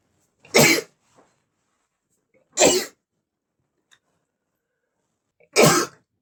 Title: male sneezing #45 (Allergy to flowers, powerful sneezes in 3, 2, 1!)